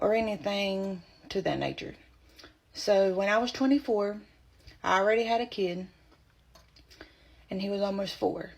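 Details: Adult woman with spasmodic dysphonia, diagnosed at age 24 when about three to four months pregnant; voice loss began during pregnancy and worsened as it progressed: spasmodic dysphonia.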